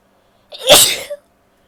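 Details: Female, single sharp hissing burst of air lasting under a second: an ordinary sneeze, among stifled sneezes and a nose blow.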